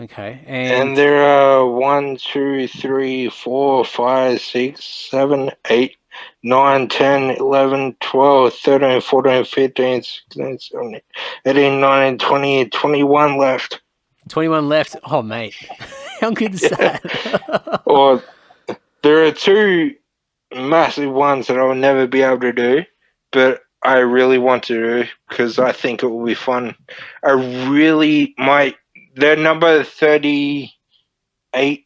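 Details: Ataxic dysarthria from Friedreich's ataxia, a neurodegenerative disorder, in a 31-year-old man diagnosed at 14; he reports slurred speech and struggling with words as part of the disorder.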